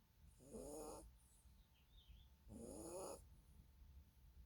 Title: Yorkie/Roney/snoring sleeping beauty